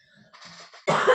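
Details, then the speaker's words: A single loud, rough cough burst after quieter breathy sounds, during a live talk. The person says it is not a dry cough and seems to be slowly loosening. Wet, productive cough. "have to excuse my really terrible cough. You'll be glad to hear that it's not a dry cough, and seems to be slowly coming out, as me and my mum would put it."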